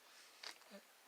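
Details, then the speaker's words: Adult man coughing in the background while an adult narrates a toy truck video: cough. "well please excuse that sound that was my dad coughing"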